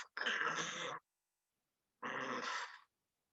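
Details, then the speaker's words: Spoken imitation of a pleural friction rub: two harsh, grating rubbing noises on inspiration, from lung rubbing in the pleural space in pleurisy, usually due to pneumonia, tuberculosis or lung cancer. "it's a rub it's from the lung rubbing up against the pleural space when the lungs trying to expand usually it's because of pneumonia tuberculosis and lung cancer is another common cause"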